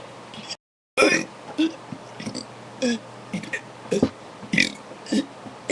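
Several short, loud burps with brief pauses between them, over quiet room noise; repeated belching after drinking soda.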